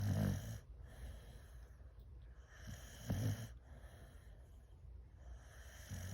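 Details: A Boxer dog asleep after a tiring walk snores loudly with low rumbling snores, about 20 per minute, and quieter breathing between; she briefly woke at the word "walk" and went back to sleep; snoring.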